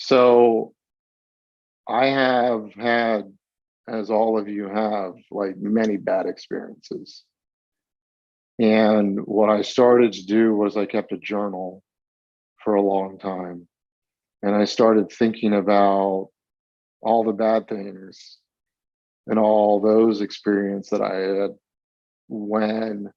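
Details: Stuttering in a 42-year-old man, with onset around age eight.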